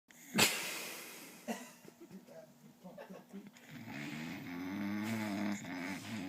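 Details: Bulldog snoring while asleep, possibly dreaming: a few sharper snorts, then a low, fluttering nasal rumble with wheezy whistling tones, sounding human-like.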